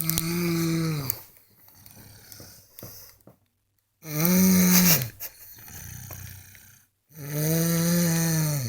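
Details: Loud, buzzing, rattly snores on each in-breath, about 16 a minute, with quieter breaths out between them, from a sleeping younger brother; snoring.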